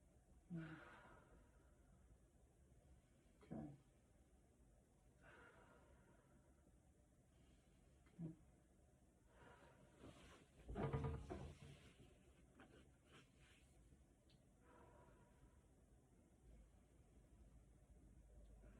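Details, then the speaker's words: Normal breathing heard during a chest exam: slow, deliberate, unlaboured mouth breaths in a quiet room; lung sounds clear bilaterally in all fields. "then laterally okay lung sounds are clear bilaterally in all Fields now we go to vocal vocal resonance"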